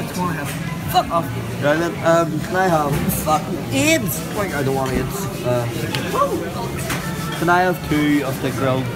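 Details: Adult male speaker; Tourette syndrome vocal tics.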